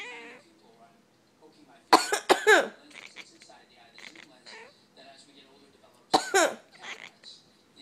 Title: Coughing Kitty 3